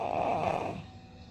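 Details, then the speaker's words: Example snoring sound (ronco) played in a pediatric otolaryngology lecture on subglottic hemangioma: a single low, rough snoring noise with breathing, typical of stertor. "eu vou mostrar aqui alguns exemplos de ronco conhecer uma ideia quem tá diferente a isso daí"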